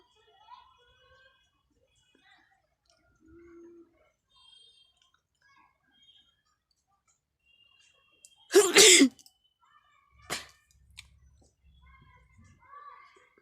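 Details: Person sneezing after deliberately tickling the nose with a grass flower, with watering eyes and runny nose: one loud, forceful sneeze with a sharp catch of breath, then a smaller burst and quiet sniffing.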